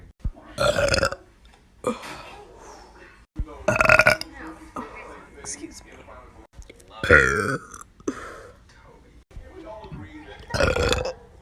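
Several loud, drawn-out belches, about four, with brief talk between them. These are repeated burps.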